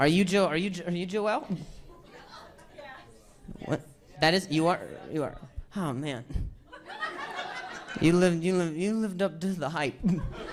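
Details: Stuttering in an adult male comedian who says hearing noises in his ear while talking makes him stutter; real, not acted.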